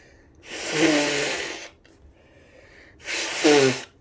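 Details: Two forceful, tickly sneezes, each preceded by a sharp intake of breath, separated by a brief quiet pause, followed by "excuse me."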